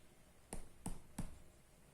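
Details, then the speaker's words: Physical examination percussion demonstrated with both hands: three dull taps of two fingers striking toward the index finger (finger-on-finger percussion) on the patient's body. "la percusión se realiza con las dos manos con estos dos dedos haciendo el golpe hacia el dedo índice máximo dos son dos golpes"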